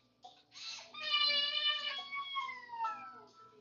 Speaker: so you'll hear there every once in a while we're at a at a hotel today visit visiting leaving the city for a little bit so yeah hope you don't mind baby crying in the [Music] background